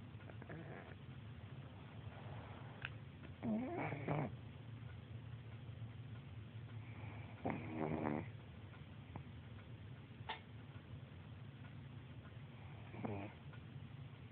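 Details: Pug snoring, recorded on an Android phone: loud rattling snores in irregular bursts over a steady low breathing rumble.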